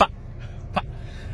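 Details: Two abrupt, brief cough-like throat noises in quiet from an adult male stand-up comedian with Tourette syndrome; simple vocal tics.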